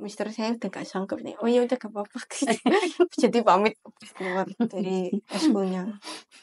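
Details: Young female speaker, Indonesian; speech of a cochlear implant user with hearing loss.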